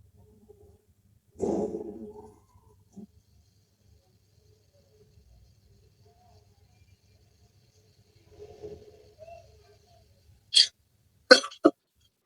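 A rough, drawn-out throat clear, then a few short, sharp coughs from an adult in a quiet room.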